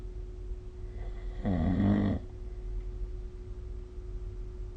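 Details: Sleep snoring recorded with the SnoreLab app: one short, throaty snore on a breath, with a steady low room hum behind it.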